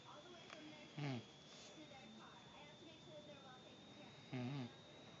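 Two short, low snorting snores about three seconds apart over a steady background hum and faint voices: ordinary snoring.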